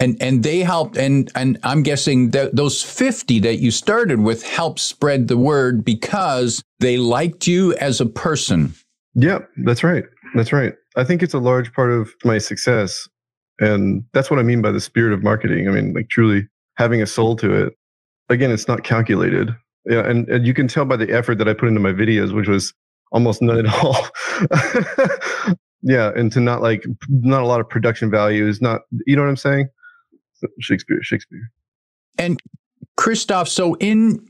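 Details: Adult man with Tourette syndrome, whose involuntary vocal tic is a word repeatedly blurted out mid-conversation; vocal tics (Tourette syndrome).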